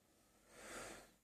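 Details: A single rough, noisy breath that swells and fades over about a second: snoring from a sleeping Aylestone bully, out for the count.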